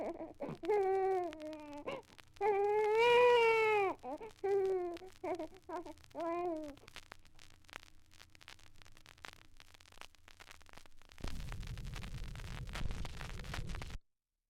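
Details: Archival 78 rpm sound-effects record of a baby's irritated cry, as if rudely awakened, force-fed or frightened: short, fretful wails and whimpers.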